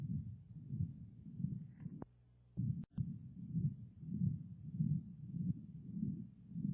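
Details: Patent ductus arteriosus, an acyanotic congenital heart disease, heard through a stethoscope: rapid heartbeat with a continuous low, rumbling, machinery-like murmur.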